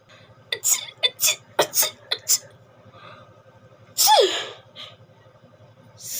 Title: Sneezing Alaparaigal